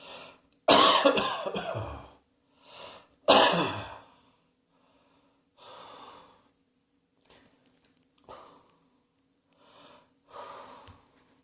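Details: Acted, simulated coughing: two loud, harsh coughs, then several softer coughs and throat noises.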